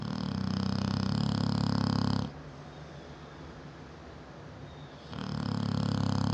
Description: This is Bella, my 7 year old Neapolitan Mastiff sleeping. She snores so loud that you can hear her through out the whole house.